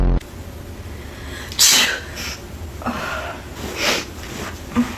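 A few sharp, hissing sneeze-like bursts in a quiet room; faked sneezes done as a prank, not a real sneeze.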